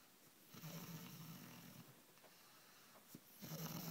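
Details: Adult woman (wife) asleep: low, fluttering rumbles on breathing, two episodes within a few seconds; snoring.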